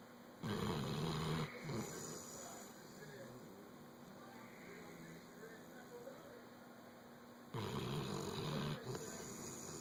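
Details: Snoring during sleep: two loud rough snores several seconds apart, with quieter breathing in between over a steady background hum.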